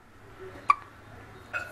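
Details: Infant girl who is wide awake at dinnertime makes two short, sharp hiccup sounds about a second apart over quiet room noise: ordinary hiccups.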